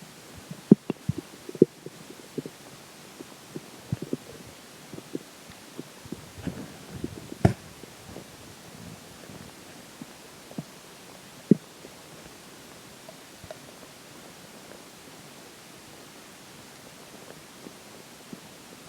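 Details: Quiet, scattered clicks and a few soft gurgles from the belly during digestion after a slice of pizza for breakfast and McDonald's for lunch; ordinary bowel sounds.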